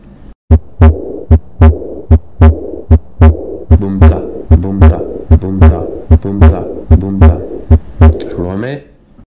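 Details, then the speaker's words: Canine and feline cardiology teaching demonstration: regular heartbeat near 75 a minute with a humming murmur filling the pauses between beats, presented after a systolic murmur; diastolic heart murmur. "L'opt loptope loptope contrairement au souffle diastolique qui est le suivant l'op."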